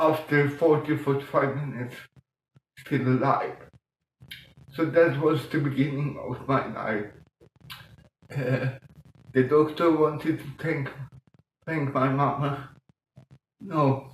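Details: Mild dysarthria in an adult man with mild cerebral palsy caused by lack of oxygen at birth in 1958; as a child he talked while breathing in, and music later helped him breathe differently and be understood.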